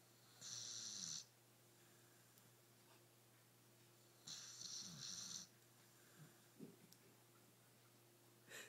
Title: snoring pitbull